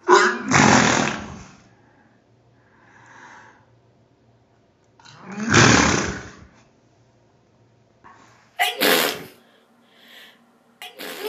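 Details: Adult sneezing without a bottom denture, towel held in front: several loud, explosive sneezes, each a sharp burst with a breathy tail, separated by quiet pauses; ordinary sneezing.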